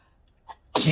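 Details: Deliberately induced sneeze, possibly allergy or sensitivity (person unsure), in bright sun: a soft inward catch, then one sudden forceful hissing spray sneeze set off by a nose tickle; among repeated double sneezes.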